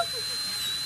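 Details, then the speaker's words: Adult male having teeth polished right after braces removal, handpiece run as slow as possible because teeth may be sensitive: steady high whine of a slow-running dental handpiece with a hiss under it. "Well, even though the sound is a dental handpiece, we don't have to run this at super high speeds."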